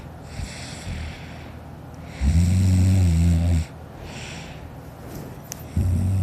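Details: Child snoring loudly during sleep, filmed by a sister: a loud, low rattling snore lasting over a second, then quiet breathing and the start of another snore.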